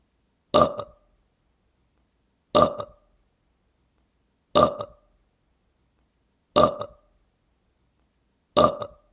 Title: Burp Sound Effect - 트림 소리 효과음